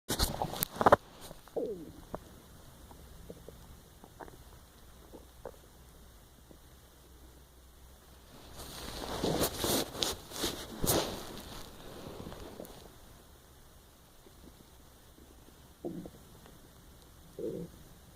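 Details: Empty stomach growling, recorded while trying to sleep: soft gurgling rumbles and squeaks in quiet, with a longer rumbling stretch midway; borborygmi.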